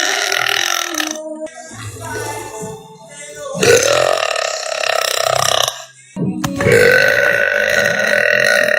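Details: A girl lets out loud, long, drawn-out voiced burps over background music; belching.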